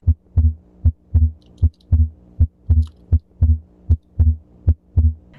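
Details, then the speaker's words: Narrowly split second heart sound, usually reflecting pulmonary hypertension or aortic stenosis; regular heartbeat near 77 a minute with S2 barely separated. "narrowly split second heart sounds usually are reflective of pulmonary hypertension or aortic stenosis"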